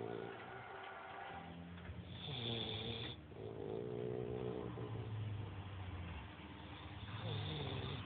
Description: Jaz our german short haired pointer at 8 weeks snoring............